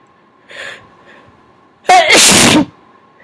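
A soft preparatory breath, then one loud, wet, explosive sneeze, brought on by tickling the nose.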